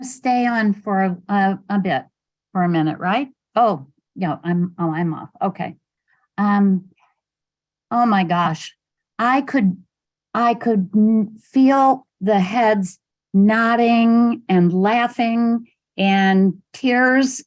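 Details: Adult woman speaking; conversational speech.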